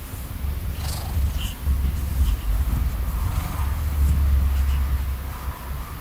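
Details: Sleepy male cat lying under the covers beside his owner before falling asleep: loud, steady, low rumbling purr showing contentment. Normal cat purring.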